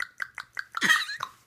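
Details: A young child deliberately fakes about six small, light, quick coughs, one drawn out with voice: voluntary fake cough.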